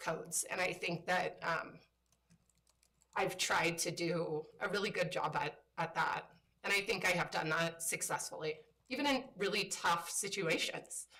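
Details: Adult woman with spasmodic dysphonia, a voice disorder she describes as a brain disorder that kicks in intermittently and likens to RFK's condition; spasmodic dysphonia.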